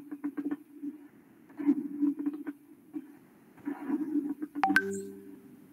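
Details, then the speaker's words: Breath sounds heard with a stethoscope in a respiratory semiology class: brief crisp crackling bursts over breathing, likened to rubbing hair between the fingers. Fine crackles, which the speaker links to pulmonary fibrosis. "eso son crépitos finos es como estrujar los cabellos no [Música] cuando escucho crépitos finos voy a pensar una fibrosis pulmonar"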